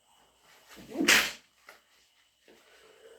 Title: Induced/natural cat allergy sneezes (with a cold)